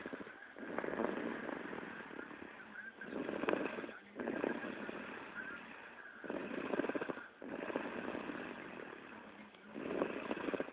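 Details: Snoring during sleep: rhythmic rasping breath sounds in long cycles, about five to six breaths a minute.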